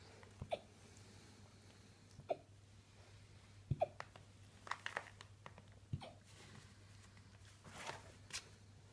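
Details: Alaskan malamute puppy (female) hiccuping after eating dinner: several brief, sharp hiccups at irregular intervals over a steady low hum; hiccups.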